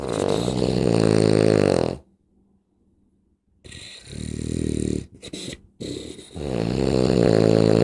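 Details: Sleeping dog with very loud snoring: rumbling, rattling breath noises with a pause between bursts.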